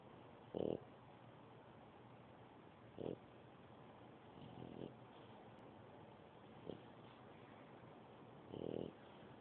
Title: snoring